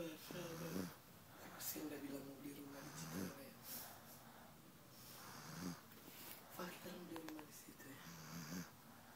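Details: Sleeping dog snoring: rhythmic rattling snores with a faint whistling edge, about seven in nine seconds, over a soft room background; snoring.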